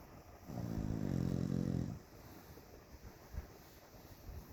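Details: Fluffy corgi asleep, giving a single long, low, rattling snore likened to Fred Flintstone, then quiet breathing against a steady background hum; snoring.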